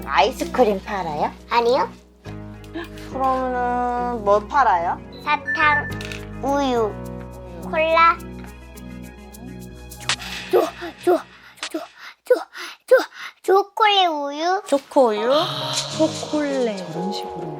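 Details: Developmental stuttering in a four-year-old girl reading aloud, with sudden syllable and word repetitions and apparent breathlessness; sudden onset around September, no physical problem found by pediatrician, speech therapy recommended, linked by experts to perfectionism; other speakers may be present.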